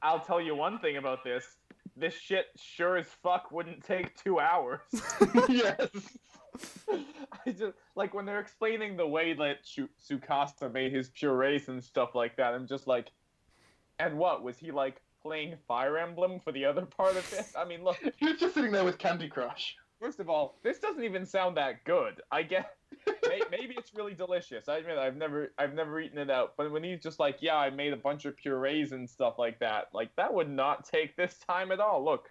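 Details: Adult male speaker; ordinary speech.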